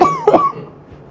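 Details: 32-year-old woman, 10 days ill with an upper respiratory infection, on antibiotics and steroid, no fever, mild stuffy nose, wakes coughing, any mucus clear: single harsh barky congested cough with a wet edge.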